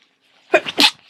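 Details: Adult with a worsening cold sneezing a lot: a short inhaled catch, then a sharp, explosive sneeze burst.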